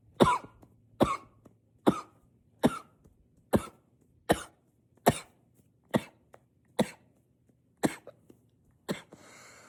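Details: Simulated coughing fit: the person tries to stay quiet by coughing into a pillow, but about twelve forceful, muffled coughs come in a steady run, roughly one every 0.8 seconds, still loud and powerful.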